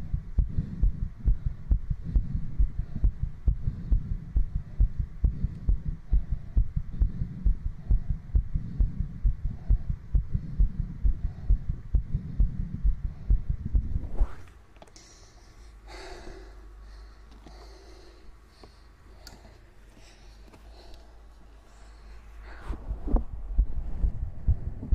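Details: Fast heartbeat after exercise: rapid, regular low heart thumps at about 133 a minute, a normal quickened heartbeat after exercise.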